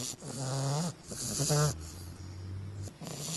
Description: English bulldog puppy snores everyone a christmas carol.